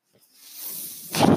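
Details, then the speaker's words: The speaker's own mechanical ventilator, heard while he talks on a podcast: a soft airy hiss builds over about a second, then gives way to a louder rush of air as it cycles a breath. "hello everyone my name is that noise you're hearing my ventilator"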